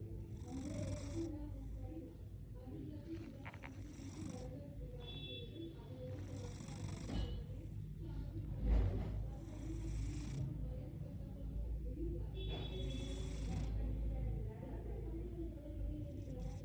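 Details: Sleeping cat snoring, rhythmic low rumbling breaths with occasional higher whistling sounds on some breaths.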